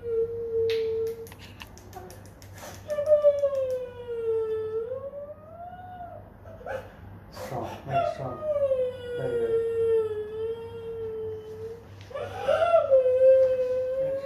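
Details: Girl about to turn 6 whimpering and crying in drawn-out wails with brief catches of breath in a small room while having blood drawn; distressed child crying.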